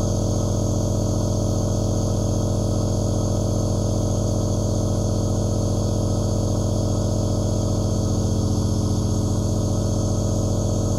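Steady, even mechanical hum with a fast regular pulsing, the continuous drone of a running nebulizer compressor.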